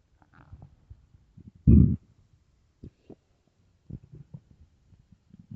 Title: bloated hungry stomach growls